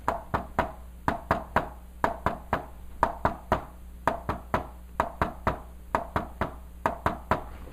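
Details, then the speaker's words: Tapped teaching imitation of an S3 gallop: a triple rhythm at about 63 cycles per minute with an added third sound after S2, described as occurring with a dilated, poorly contracting ventricle. "that that is s3 so what really causes s3 mm-hmm usually it's deal - when you have a heart that's dilated or no contract ventricle"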